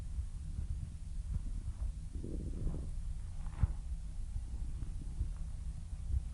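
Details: Low gurgling stomach rumbles with a brief higher squeak over steady low noise; ordinary stomach growling (borborygmi).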